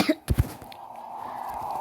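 Two quick, short coughs from a child, followed by a steady background hum.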